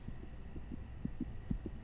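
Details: Soft rapid thumping pulses over a low hum: a fetal heartbeat, described as the first heartbeat of the baby's life, on an ultrasound monitor for a pregnant woman in a dramatized film scene.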